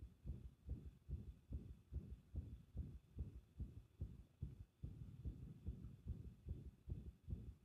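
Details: Arrhythmia heard with pressure on the chest: a muffled, fast heartbeat of about 140 a minute with uneven spacing between beats.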